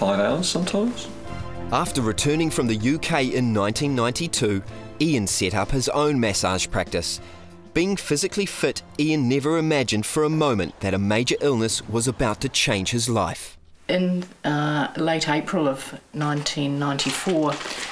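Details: Adult male narrator; Normal speech.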